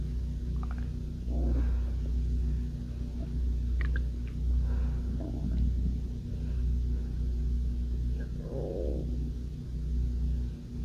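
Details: Hunger-related stomach growling: low rumbling with several gurgling bursts, normal bowel sounds (borborygmi).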